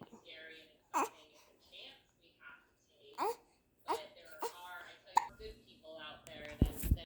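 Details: 3-month-old infant cooing and babbling, broken by sudden short voiced jolts about every one to two seconds; hiccups.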